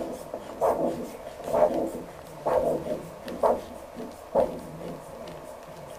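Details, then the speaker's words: Handheld Doppler at the ankle before cuff inflation, during peripheral arterial disease screening with ankle pressure measurement: regular rhythmic whooshing arterial pulses, about 65 a minute, over steady hiss, showing blood flow in the artery. "comme vous l'entendez on a de façon très rythmique le signal doppler qui indique le passage du sang dans votre art r vous l'entendez voilà"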